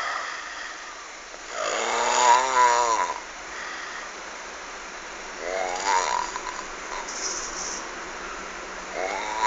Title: suara ngorok menyeramkan